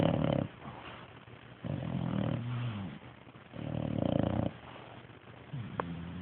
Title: Munster sleeping & snoring